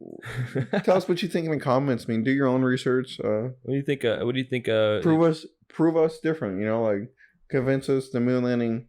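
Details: Adult man speaking; typical speech.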